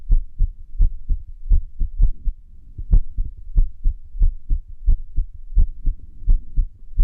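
Heart sounds with uneven spacing between beats and a brief pause, an irregular rhythm.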